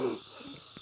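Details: Elderly man with about 3 years of breathing difficulty, too breathless to walk, with mic held close: a brief breath with a low whistling wheeze, then rough, noisy airflow; wheezing.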